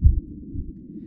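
A low, dull thump followed by a softer second thump in one heart cycle: normal first and second heart sounds, with no extra noise between them.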